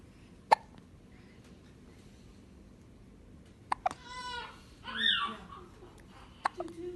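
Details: Newborn baby with hiccups: three sharp, abrupt hiccups a few seconds apart, with brief infant squeaks and coos between, in a quiet room.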